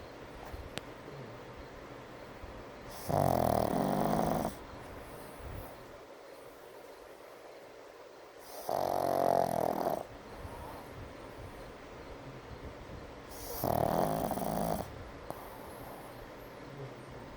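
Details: Brindle Pug snoring during an afternoon nap: loud, rough snorting snores about every five seconds, roughly 12 a minute, between quieter breaths.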